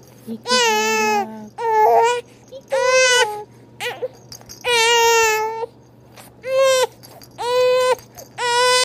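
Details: Infant aged three months and one day crying during tummy time, in repeated loud, tonal wails separated by short breaths: a sustained fussy cry.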